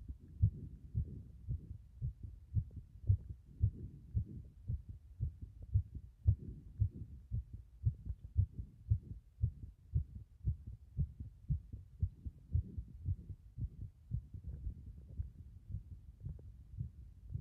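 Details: Heart sounds from a chest with a sunken breastbone: dull, fairly regular heartbeats at about 113 a minute, quick for a resting adult.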